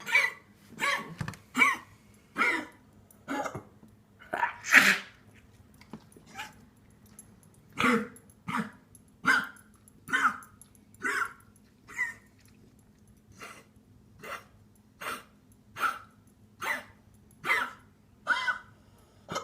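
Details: Dog wheezing: rapid, repeated noisy breaths with a harsh, slightly whistling edge.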